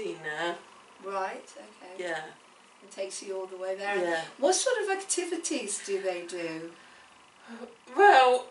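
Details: Adult woman; typical speech.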